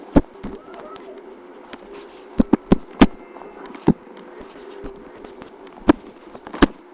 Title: STOMACH GROWLING